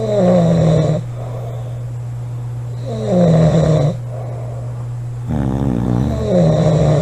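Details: Two girls in a snoring competition: loud, rough snores about every three seconds over a steady low hum, with overlapping snores from more than one sleeper.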